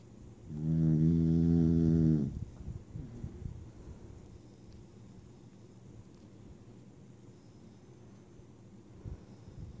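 One loud, low, buzzing snore lasting under two seconds, followed by quiet breathing; a single snore.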